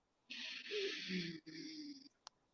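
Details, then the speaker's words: Self-recorded adult who has heard a wheeze since an asthma attack, breathing in through the nose while the chest is listened to: a long noisy breath with a low rumbling, faintly musical tone, described as a rumbling wheeze. "heard it all right one more time oh yeah i heard it louise all right now this is yeah like a rumbling wheeze"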